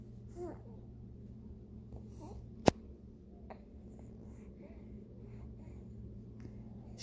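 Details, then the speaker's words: Soft, brief squeaks and coos from a premature baby girl in hospital with a history of stridor, over steady equipment hum; her IV is out, oxygen is improved, and no harsh noisy breathing is heard. Infant vocalizing without audible stridor. "sounds so much better you guys oh my gosh her oxygen is way better"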